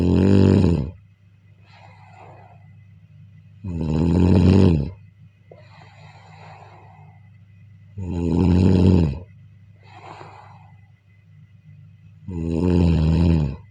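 Deep, rattling snores on each in-breath with soft airy out-breaths, about 14 breaths a minute, over a steady low hum: snoring.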